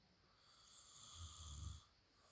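One deep, rumbling snore builds over about a second on the in-breath and then fades, with a faint hiss in the background. Loud snoring.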